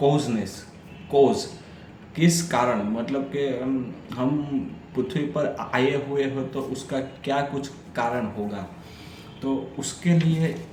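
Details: Adult man who stammers, on Day 6 of a daily stammering practice routine, reading a story aloud in Hindi, with audible repetitions and revisions; stuttering.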